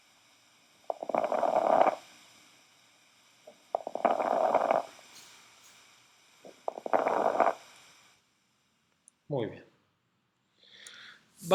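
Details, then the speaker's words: Lung auscultation example for pulmonary edema or pneumonia: three crackling bursts about 21 a minute, clusters of fine crunching pops with each inspiration; alveolar crackles, followed by brief voice sounds. "escucharíamos reales alveolares crepitantes que es un sonido crujiente que se escucha bien me inspiran bien"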